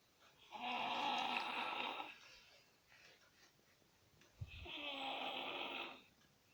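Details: A sleeping toddler: two long, buzzing breaths with a pause between them. Young child snoring.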